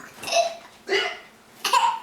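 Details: Three quick voiced catches within two seconds, sounding like a baby's hiccups with a laugh-like quality; infant hiccups.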